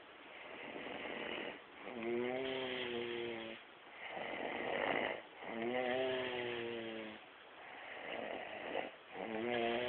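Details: Man asleep snores: rhythmic tonal snores on inhalation with softer noisy exhalations, roughly three breaths in ten seconds, about 18 per minute; snoring.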